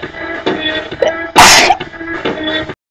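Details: Person sneezing while singing a cover: sung notes interrupted by one sharp, explosive sneeze, then the singing carries on.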